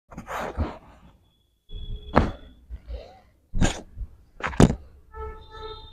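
Several short, harsh bursts of coughing with brief pauses between them, followed by quiet music.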